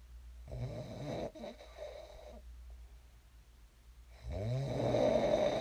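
A softer, fluttering snore, a short pause, then a louder rattling snore begins; ordinary sleep snoring.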